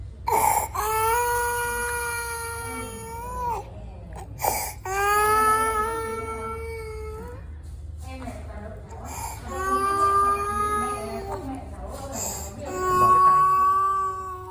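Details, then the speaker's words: Child with laryngeal inspiratory stridor: high-pitched, harsh, musical breathing from a narrowed upper airway, with background music. "Đây là tiếng thở rít [âm nhạc] từ từ từ [âm nhạc]"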